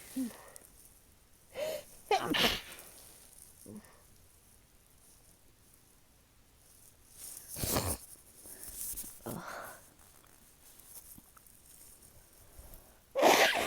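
Several sharp explosive sneezes in a quiet room, spread over the clip, a sneezing bout.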